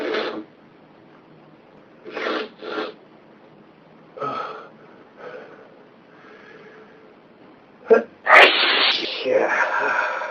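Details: First-time sneezes: several short, soft bursts of air, most likely small sneezes from a baby, then louder noise near the end.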